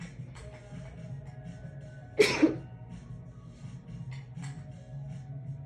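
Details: Sneeze after a shower, induced by tickling the nose with a wet strand of hair and muffled with a towel: a single sharp, muffled sneeze against quiet background music.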